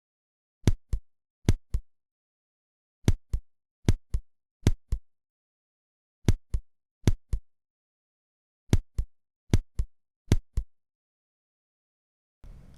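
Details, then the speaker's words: Simulated auscultation of second-degree AV block (Mobitz 2), dropped QRS complexes giving 1.5–2 seconds of silence: crisp paired beats broken by regular long silent pauses. "теперь рассмотрим типичные варианты блокады второй степени то есть моц 2 аускультативно они неотличимы в общем-то выявляется патология легко потому что выпадение комплекса qrs это значит пропускается одно систола то есть полторы-две секунды нет никаких звуков"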